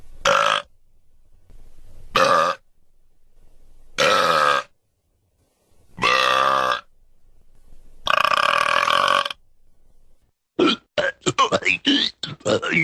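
Five loud, drawn-out burps of varying length, then a rapid run of short burps; belching sound effects.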